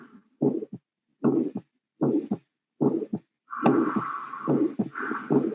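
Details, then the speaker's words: Recorded at the aortic area: regular heartbeat about 73/min with harsh, delayed-peaking ejection systolic murmur after S1, often conducted to carotids; breath sounds in background; aortic stenosis. "hear the breath sounds in the background and you can hear the ejection solid murmur and often it's conducted to the keratins"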